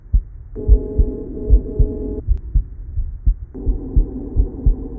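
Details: Normal steady heartbeat about 70 beats a minute heard through a Littmann CORE Digital Stethoscope with active noise cancellation and 40x amplification, over droning ambulance noise in a real-world demonstration.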